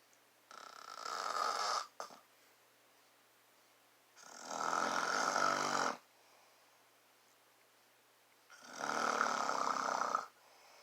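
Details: Adult man (a father) snoring, filmed up close to his face: three long, loud, rattling snores on breathing in, separated by quiet breathing out, about 11 breaths a minute.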